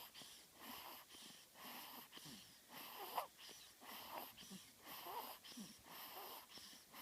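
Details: 2-week-old newborn snoring: soft, rhythmic snuffly snores about one breath a second with a faint whistling edge.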